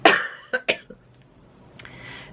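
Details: Adult coughing during a knitting podcast: one harsh cough burst followed by two shorter coughs in quick succession, then quiet; an ordinary dry-sounding cough.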